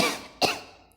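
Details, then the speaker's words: A single short, sharp, clear voluntary cough, demonstrated as the first voice therapy technique for puberphonia. "कफ कैसे produce करवानी है आपने इतनी आवाज होनी चाहिए कि कफ की क्लियर क्लियर साउंड जो होती है ना हमारी कफ की वो होनी चाहिए ठीक"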